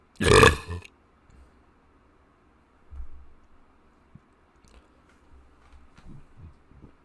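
One loud, deep burp, then quieter belches and throat sounds in a quiet room; ordinary eructation.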